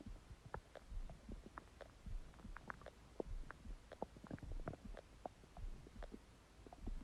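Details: Irregular low gurgling and rumbling bubbles from an empty stomach; stomach growling, ordinary bowel sounds (borborygmi).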